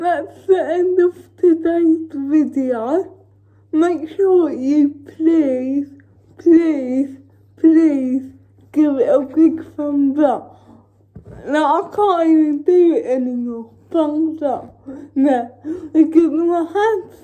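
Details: Female with cerebral palsy talking while feeding herself with a Neater Eater feeding aid; dysarthria (cerebral palsy), inferred rather than stated as a diagnosis.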